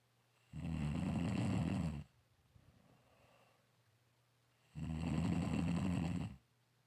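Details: Snoring in a dark room: two loud, low, rattling snores on the in-breath, with quiet breathing between over a steady low room hum.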